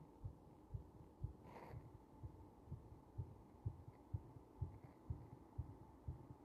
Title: 圧迫中のややゆっくりめな心臓の動画